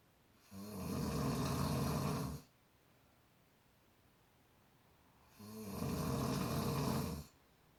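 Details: Travelling companion snoring: loud, low, rattling snores on breathing in, about two seconds long and roughly every five seconds, with quiet pauses between. Snoring.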